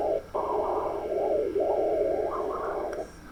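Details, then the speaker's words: Hepatic vein spectral Doppler ultrasound in a patient with liver cirrhosis: pronounced monophasic waveform whose components cannot be properly identified. "vemos que la onda monofásica es mucho más pronunciada no se pueden identificar los componentes adecuadamente"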